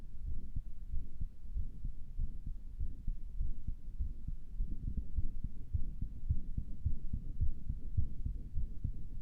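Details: Self-recorded heartbeat through own stethoscope; the person thought it sounded weird and asks if it is a murmur. Muffled, fast, roughly 100–110 a minute, with rustling; possible murmur not confirmed.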